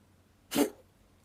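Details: A single sharp, explosive, voiceless cough from a cat thought to be in pain; strange cough.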